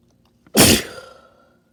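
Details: A short catch of breath, then one loud, explosive, wet sneeze that fades quickly; a single wet spray sneeze.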